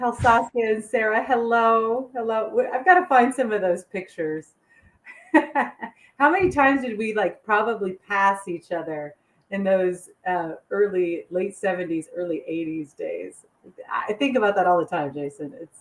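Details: Adult man; normal speech.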